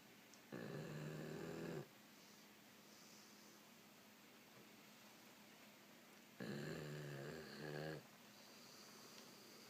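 Two loud, rough snores separated by several seconds of quiet breathing.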